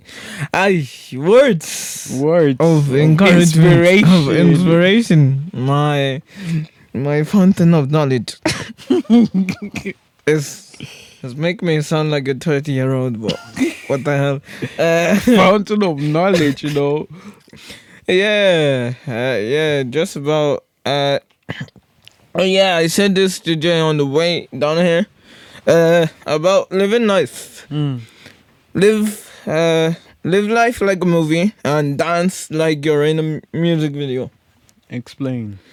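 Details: Podcast host with cerebral palsy, severe stuttering in childhood treated with speech therapy and still frequent; conversational speech with word and phrase repetitions; stuttering with cerebral palsy.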